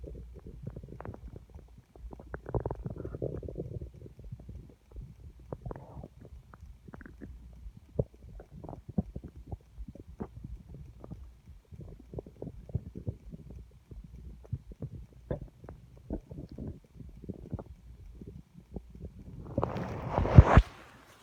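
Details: Borborygmi: continuous loud, low rumbling stomach growling with gurgles and squelches from gas and fluid, in a belly getting empty, rumbling felt against the hand.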